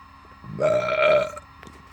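A single long, resonant belch lasting under a second, over light room noise.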